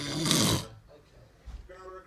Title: Man Snoring